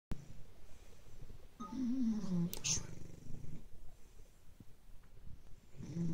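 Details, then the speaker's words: Bulldog snoring: a rough, throaty snorting sound with a low rattle through one breath, typical of a short-nosed dog. "snoring pooches. Bruce and I being a terrible duo."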